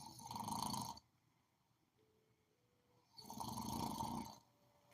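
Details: Two loud, rough, rattling snores about three seconds apart with quiet pauses between, in sleep: heavy snoring.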